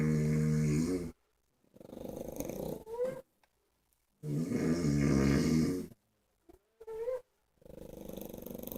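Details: Snoring quartet of a wife and pug dogs: loud rumbling human snores alternating with higher-pitched wheezy dog snores and short snorts; snoring.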